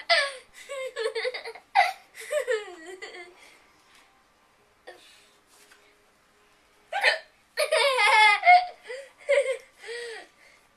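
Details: Short abrupt voiced catches breaking into bouts of laughter and giggling: hiccups mixed with laughing, recorded on a Flip Video camcorder.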